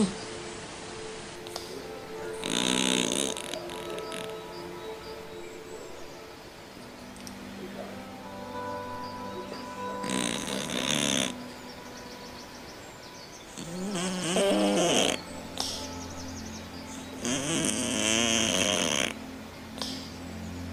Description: When cat snoring in sleep he is in a state of deep relaxation. Overweight cats with flat faces and short noses are more likely to snore.